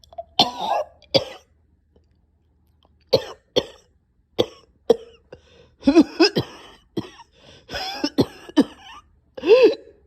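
About a dozen harsh coughs in clusters, with throat-clearing, gagging sounds and strained gasps between bursts, a severe coughing fit with choking.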